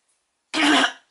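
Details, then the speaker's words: A single short, voiced cough from an adult woman, which she says is a side effect of medication taken last week; her voice has also been affected, which she puts down to an allergy. "excuse me the cough unfortunately is one of the side effects of the um medications that i took last week"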